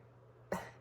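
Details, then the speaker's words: Adult woman with a scratchy, raspy voice after being sick over Christmas break: single short, sharp cough in a quiet room with low steady hum, fading quickly: isolated cough. "if you can't tell my voice is like super scratchy I'm going to have to like edit out all my coughing in this video"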